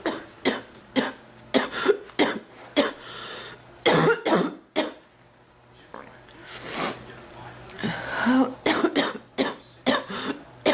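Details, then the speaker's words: Ongoing cough, not improving, with chest discomfort; about a dozen harsh cough bursts in ten seconds with throat clearing between; frequent persistent cough. "Whoopee. No pun intended. I want to stop coughing, please. Oh, my chest. I'm never going to get anything done."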